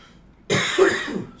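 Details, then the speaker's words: A single harsh cough running into throat clearing from an adult speaking during a livestream and needing a nasal spray to stop coughing. "I have to do one of those nasal sprays I had to do that if not I feel like I wouldn't be able to get through this without coughing so much"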